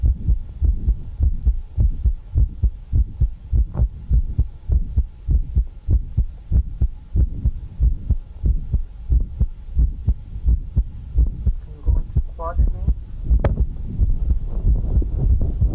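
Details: Heartbeat about 100 a minute with a sharp extra click in mid-systole whose timing shifts as the patient alternates into and out of a squat, with background music; mid-systolic click.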